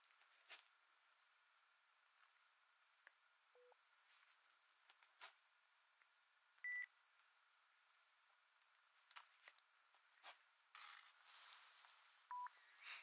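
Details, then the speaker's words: Acted ASMR role-play of a pure-tone hearing test through headphones for clogged ears: three short steady beeps at low, high and middle pitch amid soft clicks and rustling; listener raises hand on side heard. "Więc w porządku, więc usłyszysz serię dźwięków. Chcę, żebyście podnieśli rękę, która odpowiada stronie, z której słyszycie ton."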